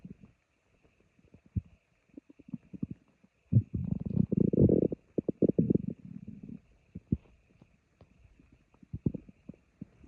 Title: My stomach growling